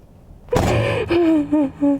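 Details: A woman gives a sudden sharp inward gasp, then a few short voiced moans or sighs, while a chiropractor adjusts her during a fascia healing session; gasping.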